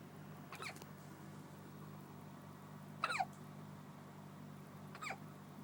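Three brief, sharp little catches in about six seconds over a steady background hum, fitting an infant's hiccups.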